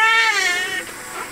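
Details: A baby girl just after birth gives a loud, high, wavering wail falling in pitch, with music behind; a normal vigorous first cry.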